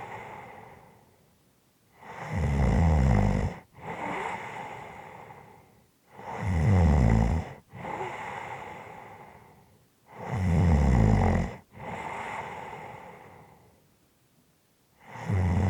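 Loud rattling snores on each in-breath at about 15 breaths a minute, alternating with softer rushing out-breaths; ordinary snoring.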